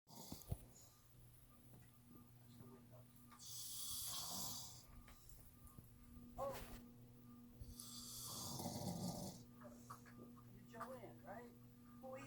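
Two loud, rough snores, each rattling on an in-breath, with a steady hum in the room.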